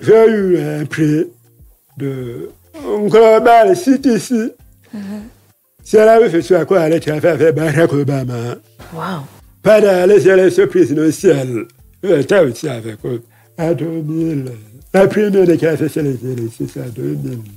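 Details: Deaf speech in French from a man who lip-reads. His hearing loss followed a childhood illness, which he says left his voice not normal.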